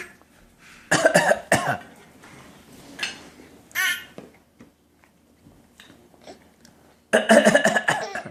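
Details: Toddler copying her father's coughing: short bursts of playful, forced pretend coughs, a deliberate voluntary cough rather than illness.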